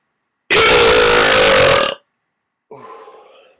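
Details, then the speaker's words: Voluntary burp recorded as a burping contest entry, one long, loud, rumbling belch followed by a shorter, softer second one; burping. "so i'm going to set the bar high for you and just leave a burp for my submission"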